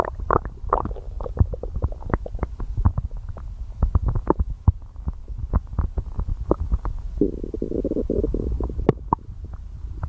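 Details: Stomach growling: bowel sounds (borborygmi).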